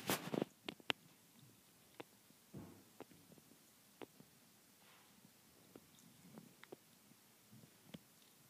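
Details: Kitten hiccups: quiet, brief clicking hiccups that recur irregularly, with faint room noise.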